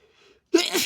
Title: three sneezes for you